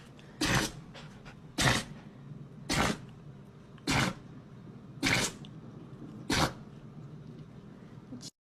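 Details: A healthy dog sneezing: six short, sharp nasal bursts about a second apart in a quiet room. This is repeated sneezing.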